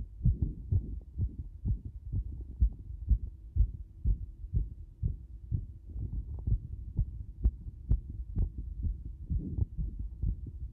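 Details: Heartbeat becoming extremely fast: fast, strong low heart thumps at about 125 beats a minute, a rapid heartbeat (tachycardia).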